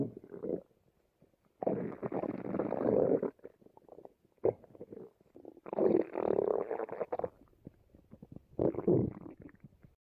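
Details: Two individuals' stomachs growling while they watch TV together: several long, low gurgling rumbles with quiet gaps, described as hungry tummies (borborygmi).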